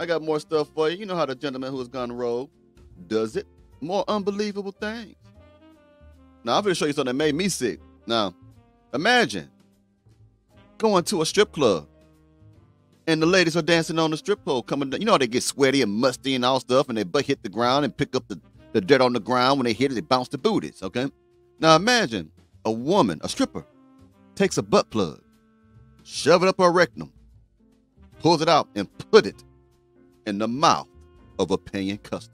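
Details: Adult male speaker; ordinary speech, no disorder.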